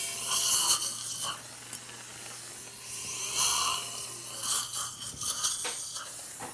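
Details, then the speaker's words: Dental implant drill, high-pitched whining hiss in bursts with pauses, preparing bone for an implant during live surgery. "so if you want April 5 implant placement maybe implant drilling depth around the 10 millimeter is okay okay final drill 4.5"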